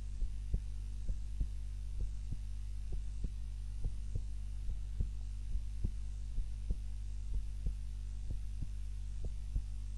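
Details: Own normal heart sounds recorded on a timer while napping, lying on the back rather than the usual prone position: soft, regular paired low thumps, roughly 90 beats a minute, under a steady hum.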